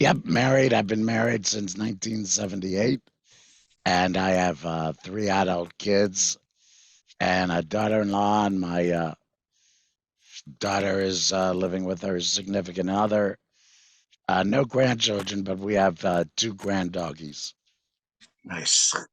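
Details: Tracheoesophageal speech with a voice prosthesis from a 66-year-old man after total laryngectomy in February 2019 for vocal cord cancer, which followed months of hoarseness; prosthesis placed September 2019; he previously used a whiteboard and an electrolarynx.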